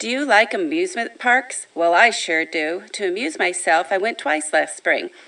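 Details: Adult speaker reading a standard passage; ordinary read speech.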